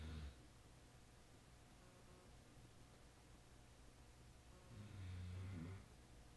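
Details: Low, rumbling snore on two breaths separated by quiet room noise, from a male sleeper before he wakes out of his snoring position; snoring.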